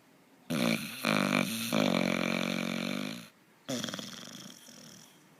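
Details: Sleeping dog snoring heavily: loud, rough, fluttering snores in long breaths separated by brief quiet gaps.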